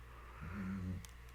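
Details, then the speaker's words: Snoring of a sleeping female dog that is having a nightmare, heard in the background of a room. "good entertainment as my dog's having a nightmare back there you can hear her snore"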